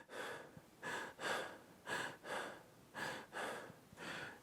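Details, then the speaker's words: Imitation by an adult of a child's moderate asthma attack: rapid, effortful noisy breathing, about 56 breaths a minute, gasps close together; shortness of breath at rest. "The next asthma attack scale is moderate. Shortness of breath at rest."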